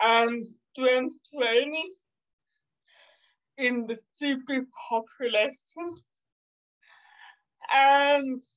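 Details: 27-year-old woman with cerebral palsy caused by severe neonatal jaundice, which she says makes her sometimes speak and move differently. Dysarthria (cerebral palsy)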